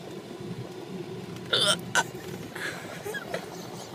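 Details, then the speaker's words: Involuntary hiccups the person says they cannot control: two short, abrupt gulping hiccups about half a second apart over steady background noise. "Yeah. Hiccups. Wasn't me. I can't control."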